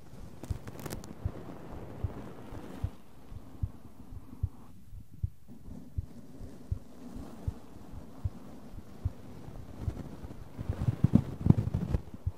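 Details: Soft regular low thumps of a normal heartbeat under faint rustling, with ASMR brushing noise near the end.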